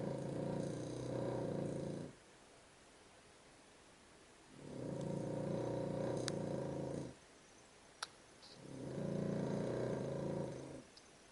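Slow rhythmic rumbling snores, about 2.5-second sounds with quiet pauses between, roughly 13 breaths a minute; ordinary snoring in a sleeping dog.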